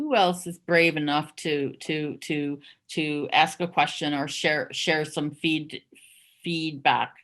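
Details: Stuttering with part- and whole-word repetitions in an adult moderator who stutters, on a covert stuttering panel.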